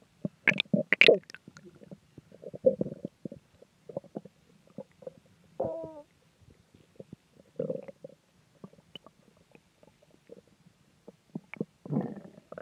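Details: Irregular gurgles, squeaks and bubbling rumbles with a brief tonal squeal from the belly; stomach growling, bowel sounds.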